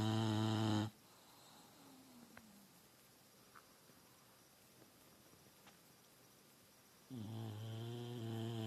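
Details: Sleeping bulldog snoring: loud, deep, rattling inhaled snores, one at the start and one at the end, with a long quiet pause between them.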